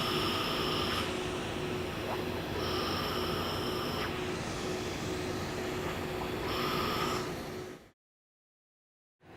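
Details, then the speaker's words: Loud steady rush of a cold-air cooling blower with repeated short laser tones and beeps during long-pulse 1064 nm Nd:YAG laser hair removal on dark skin, Fitzpatrick types IV–VI, covering the treatment area with minimal overlap. "so as we do the treatment I'm going to cover the entire surface area of the skin that we want to treat a little bit of overlapping is okay but generally speaking overlapping is not necessary"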